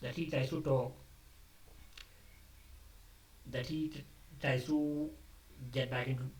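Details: Adult male who describes himself as a stammerer, speaking off the cuff after abandoning a script, which he says increased his stammering; word repetitions audible; stuttering.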